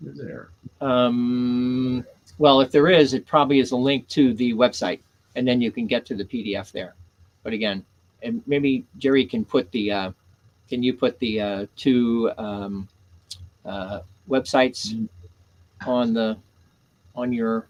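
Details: Adult man with aphasia caused by stroke; first stroke on September 26, 2011, three strokes in all. Initially could not read, write or speak well, with grammar and syntax damaged. Had seven months of formal speech therapy plus an aphasia group. About ten years later he still has aphasia, though speech is greatly improved. Aphasia.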